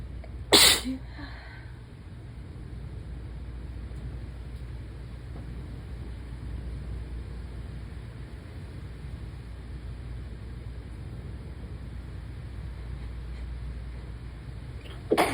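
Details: A single loud, sharp sneeze near the start, then steady room, wind and traffic noise, with a second burst beginning at the very end; one of repeated sneezes and coughing.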